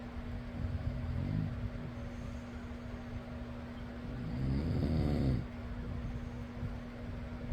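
Two rough, rattling snores on breaths in, with a steady fan hum throughout; ordinary snoring.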